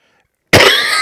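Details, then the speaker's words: Half a second of silence, then a single loud, harsh cough burst close to the microphone with a rough, breathy tail, from an adult who lost their voice three days ago; cough. "Excuse me. I was nearly not able to make this recording today. Um, I had lost my voice three days ago."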